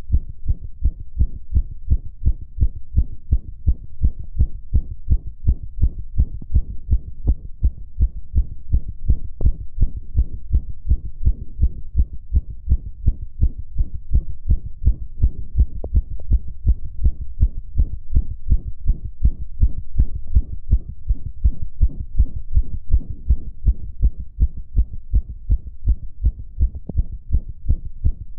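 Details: Adult male heartbeat recorded shortly after arousal: quick, steady low thumps, faster than resting, with an even rhythm throughout; fast heartbeat, sinus tachycardia.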